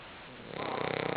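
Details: Short stretch of rattling, fluttering snore on an inhaled breath from Kirby, a pet sleeping on the couch; snoring.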